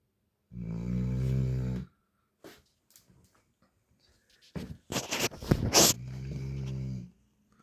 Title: Snoring Dog